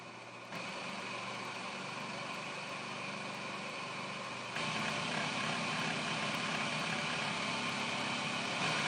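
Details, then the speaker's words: Newport HT70 Plus ventilator running its two-step circuit check, open-patient-circuit step: continuous mechanical hum and airflow hiss that steps up in loudness partway through; the check passed. "It's a two-step check, so the first one tells you occlude the patient end and press accept. And then step 2 is to open the patient circuit and press accept."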